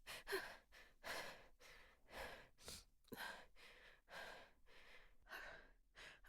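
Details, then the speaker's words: Female sneeze buildup: quick, irregular voiced catching breaths about once a second, hitching before a strong sneeze, with "gonna sneeze. Oh, God"; gasping. "gonna sneeze. Oh, God. Oh, fuck."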